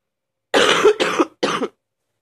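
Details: Sick person waking up coughing: three harsh coughs in quick succession, the first longest.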